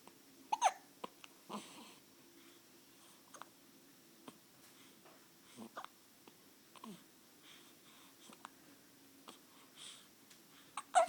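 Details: A baby has infant hiccups: short, sudden catches of breath at irregular intervals, about a dozen in eleven seconds, with faint babbling.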